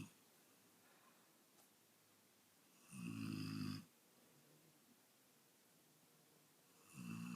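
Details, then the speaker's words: An adult man snoring loudly: two loud, rough, low rattling snores on breathing in, about four seconds apart, quiet in between; snoring. "ये हैं साहब खर्राटे लेते हुए।"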